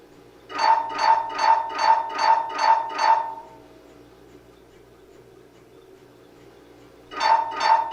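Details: Loud, evenly spaced buzzing tone pulses of an MRI scanner sequence, about 150 a minute, stopping and restarting after a pause; sample MRI sounds to help patients, including children, prepare for the noise.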